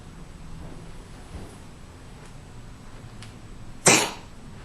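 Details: Little male cat coughing and choking for several weeks, a single sharp, harsh cough-like burst; later hospitalized on IV for a week with no firm diagnosis (possibly asthma), had trouble swallowing and purring, then fully recovered.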